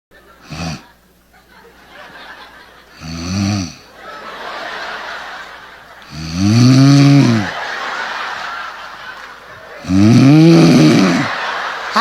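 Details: Man snoring at night, apparently played up for comedic effect: loud, rough, rumbling inhalations every few seconds over a quiet background.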